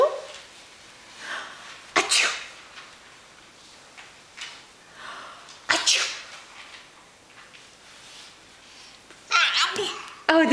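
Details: Three sharp, explosive sneezes from a crawling baby, spaced a few seconds apart, with quiet room sounds between: infant sneezing.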